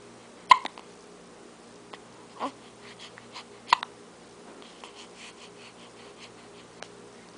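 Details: Hiccups: two abrupt hiccup clicks about three seconds apart over faint room noise.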